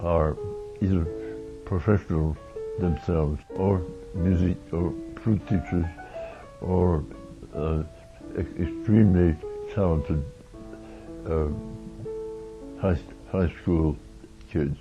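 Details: Oromandibular dystonia (Meige syndrome) speech in an adult man; began in 1982 affecting the jaw, later spreading to neck and eyelids, involving face, mouth and eyelid muscles; he says he must keep his mouth moving to be understood.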